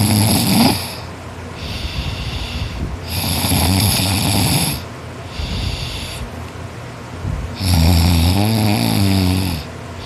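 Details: Boy snoring loudly in sleep after a tiring workday: harsh, rattling, sawing snores on each breath, about fifteen breaths a minute; he says he snores louder when tired.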